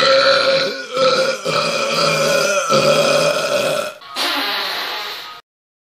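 A long, loud, voiced belch drawn out over several seconds, with brief breaks, then a second belch: burping.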